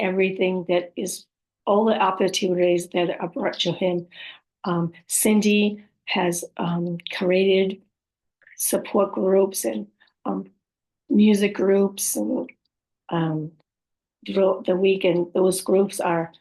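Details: Adult woman with aphasia, apraxia of speech and dysarthria, describing her own speech as sometimes hard to understand; aphasia with apraxia of speech and dysarthria.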